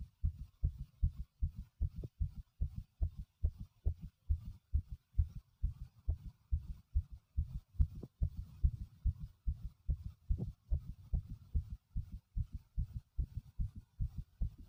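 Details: Male pounding heartbeat: steady, strong low thumps repeating rapidly and evenly with a forceful pounding quality.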